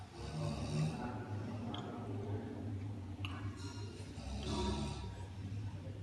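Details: Large sleeping adult snoring: low, rumbling noise repeating with each breath, steady throughout.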